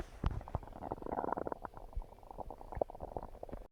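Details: Stomach growling: soft gurgling and bubbling rumbles from the belly; ordinary borborygmi.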